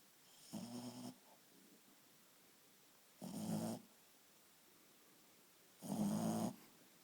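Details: Shih Tzu dog in deep sleep: three rattling, fluttering snores on breathing in, a few seconds apart, in a quiet room; snoring.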